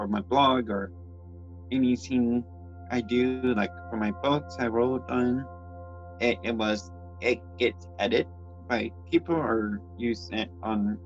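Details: Adult transgender woman with congenital cerebral palsy who reports speech issues and grammar difficulties: speech impairment due to cerebral palsy.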